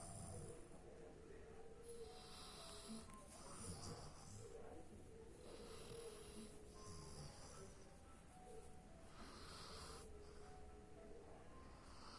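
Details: Soft, repeated snoring breaths under a steady layer of background noise and faint music.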